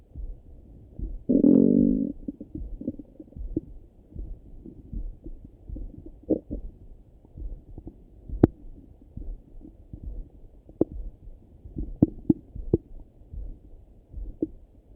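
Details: Morning stomach rumbling through a stethoscope: loud gurgling rumble early, then scattered soft gurgles and clicks; ordinary borborygmi.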